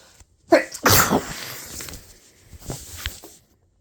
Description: we are both uploading a video to see who has the longest sneezes ;)